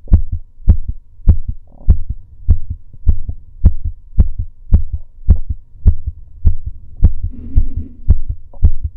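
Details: Regular two-part male heartbeat recorded during breath holds, about 105 beats a minute, with clear thumps and a steady low hum.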